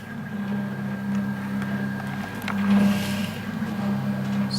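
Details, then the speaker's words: Steady low motor hum with faint mechanical ticking from a homemade open-source prototype mechanical ventilator built from 3D-printed parts, running after settings were set via its control interface. "we will be able to change the settings here so if we want 24 1 3 click set it and then it starts the working"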